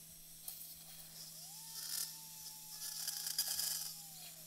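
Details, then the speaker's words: Brief bursts of high-pitched whine from a spine drill with a 3-millimeter neuro bit, drilling bone in small increments and palpating with the tip, over low room hum, during live posterior cervical decompression and fusion C3-T2 near C7. "Notice how I'm drilling a little bit, and then I'm palpating with the tip of the drill."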